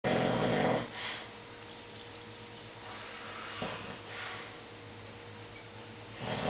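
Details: Man snoring during sleep: loud rattling snores recurring with each breath, separated by quieter stretches over several cycles; snoring.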